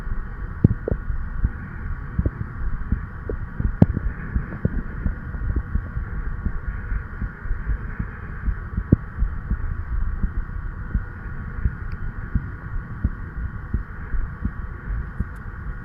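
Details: Steady low heart thumps from a 36-year-old man, recorded at the tricuspid valve area (lower left chest) with an old stethoscope head, tubing and a lavalier microphone, under a constant hum: normal heart sounds.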